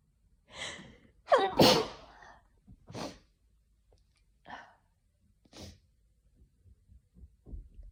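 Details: Winter sneezing in a person with slight dust allergy, triggered by cold-weather sniffles or indoor heating: sharp in-breath, forceful sneeze burst, then softer breaths and small sniffs in a quiet room.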